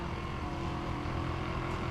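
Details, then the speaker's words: Percussion massage gun: steady loud low motor buzz as it is held on the foot near the heel and the adductor of the big toe, to release tight calves and feet. "that's one of the things with the percussion therapy a lot of times we're moving around too much we're not kind of staying in that one area long enough to produce a big enough fashion movement"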